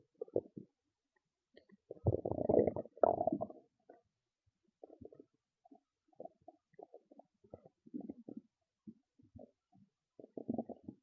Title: Loud Stomach Growls and Gurgles (Full Video Available) #stomachnoises #stomachrumbling #stomachasmr